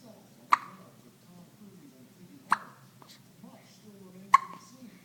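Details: One-week-old baby with hiccups: three sharp hiccups about two seconds apart, with quiet talking in the background.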